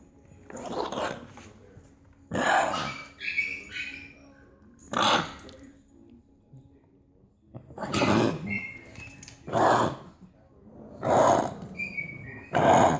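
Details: Dog coughing and gagging: about seven harsh, rasping cough bursts with honking gagging sounds between them.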